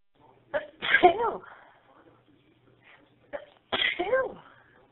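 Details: Two forceful explosive sneezes a few seconds apart, each with a short in-breath build-up, induced by tickling with a plastic clothes tag; sneezing.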